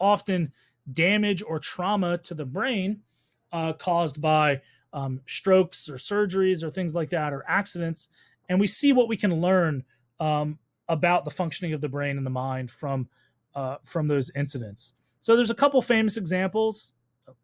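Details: Adult male speaker, lecture narration; normal speech.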